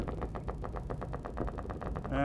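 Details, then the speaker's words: Upper-extremity needle EMG demonstration: rapid crackling pops about eight per second; one polyphasic motor unit crossing the baseline too many times, sounding slightly different, deemed not significant among otherwise normal units. "so we've got one polyphasic motor unit there it's pressing the baseline a few too many times and you can hear the sound is a little bit different as well"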